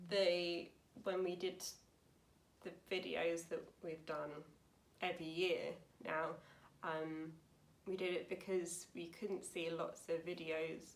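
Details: Woman aged 28 with aphasia after a severe stroke in 2009 at age 18, recorded about nine years post-stroke; aphasia.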